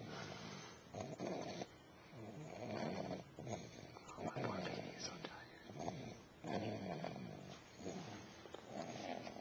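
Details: Person snoring in sleep, recorded with a Flip Video camcorder: repeated rough, rattling breaths with some background room noise.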